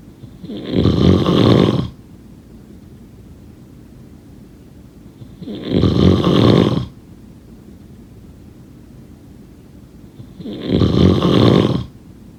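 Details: Three loud, rough, rattling snores on inhaling, about one every five seconds (roughly 12 breaths a minute), with quiet between; regular snoring.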